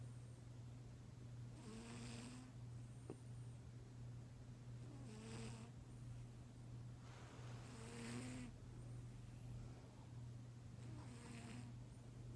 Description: Vinz Snoring in his sleep. Awwwww, sleepy kitty!